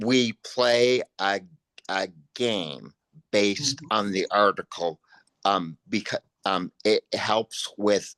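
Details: Post-stroke aphasia in a man, a panelist at an aphasia conference.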